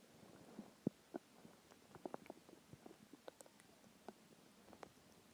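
Quiet, irregular gurgles and squeaks from the belly; ordinary hunger-related stomach growling.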